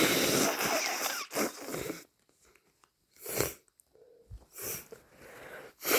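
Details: A person with a worsening head cold and sinus congestion gives loud, wet, muffled sneezes into a tissue, with congested, snotty breathing between them.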